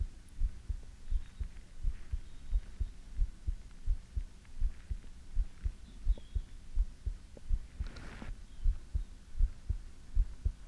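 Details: ASMR heartbeat recording: steady low thumping, about 80 beats a minute, with a faint hum behind it; a normal heartbeat.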